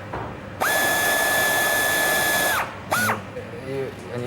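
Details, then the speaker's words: Powered surgical bone drill whining steadily for about two seconds, then a brief second burst, as fixator pins are drilled into a car-crash patient's bone, staying clear of a nerve, for a box-frame external fixator. "so we just need to make sure that we can get down onto the bone staying clear of that nerve with our fixator pins okay right let's have the drill connected and another"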